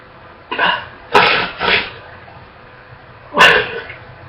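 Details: A girl coughs non-stop, barely catching her breath: four harsh, explosive, barking and wet coughs in two quick groups, coughing so much she gags.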